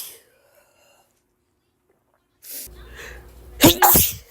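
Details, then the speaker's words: Woman in an itchy allergic sneezing fit, tagged ragweed allergies and rapid sneezing, unable to stop: a short indrawn breath, then a sharp explosive sneeze and a second burst; allergic sneezing. "sorry just guys I can't stop sneezing I guess I'm just gonna keep recording and see how many I how many times I sneeze"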